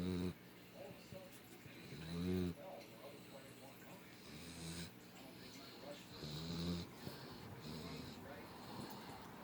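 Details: American Bulldog puppy snoring, possibly not even asleep: several short, buzzing snoring breaths, about 27 a minute, over steady background noise.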